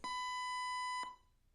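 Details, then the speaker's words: Zoll AED 3 training demonstration: after voice prompts "Don't touch patient. Analyzing. Shock advised," a steady high electronic alert tone lasting about one second before shock delivery; stay clear. "Don't touch patient. Analyzing. Shock advised. Don't touch patient. Press flashing shock button."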